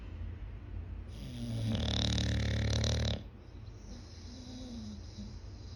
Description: Listen to the sound of this English bulldog snores like hooman. So cute.